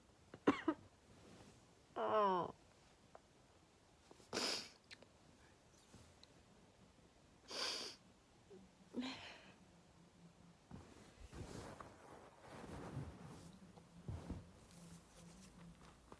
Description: Loud sneezes, covered and uncovered. Some nose blowing.